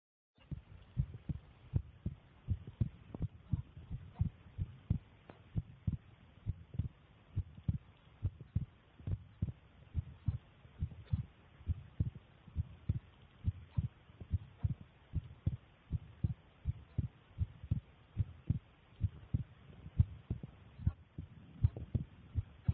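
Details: Phone-recorded own resting heartbeat: steady, regular low lub-dub thumps at roughly 70 beats a minute with a faint background hum; normal resting heartbeat.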